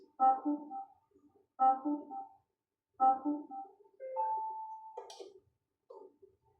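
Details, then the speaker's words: Ethicon Endo-Surgery harmonic ultrasonic generator tested with a foot switch and handpiece after a software upgrade that fixes a replace-instrument error: repeated electronic chime tones, then a steady held activation tone. "Parang parang ultrasonic ba? Ultrasonic pala. Ultrasonic ong gamit nito."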